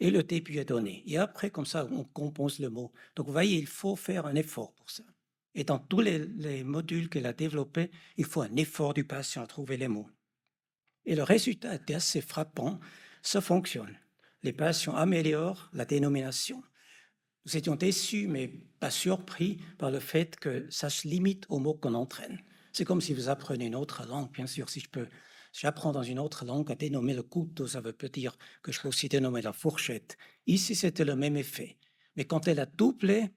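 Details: Adult male speaker; normal speech.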